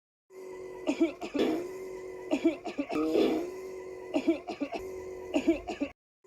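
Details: A child acting out a cough: several short, voiced, throat-clearing coughs in bursts over a steady background hum, with laughter nearby.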